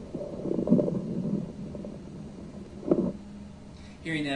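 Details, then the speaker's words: Demonstration for nurses of rhonchi from secretions in the larger airways: loud, low bubbling, rumbling sounds throughout inspiration and expiration. "bubbling throughout the inspiratory cycle and throughout expiration very bubbly kind of a sound right"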